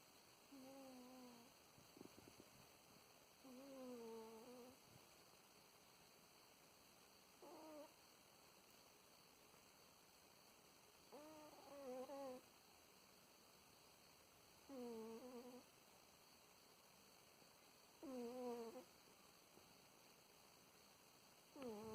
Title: Cat Snoring